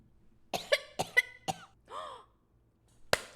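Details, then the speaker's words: A female streamer has a harsh coughing fit during a live stream: a run of about five sharp, harsh coughs with a brief voiced gasp, then one more cough after a pause. "Why do you cough like this?"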